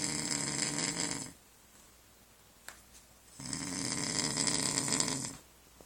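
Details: A man's loud, heavy snoring: two loud, buzzing snores on drawn-in breaths, with quiet pauses between them; snoring.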